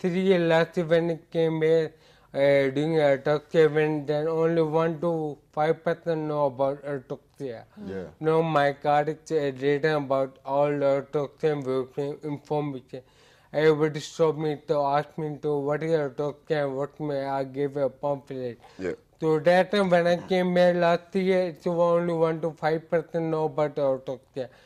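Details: Adult male with ataxia for about eight years, which impairs speech so it sounds like scanning speech per a neurologist; heavily slurred speech; ataxic dysarthria.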